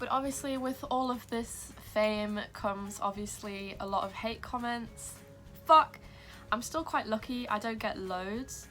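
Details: Young woman with Tourette syndrome that began at age 12, whose tics sometimes interrupt her speech while talking; vocal tic (Tourette syndrome).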